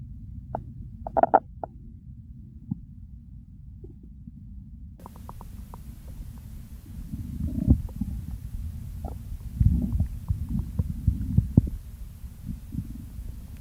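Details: Real hunger-phase stomach growls: low gurgling rumbles and scattered bubbling pops from the belly over a steady low background hiss; ordinary hunger borborygmi.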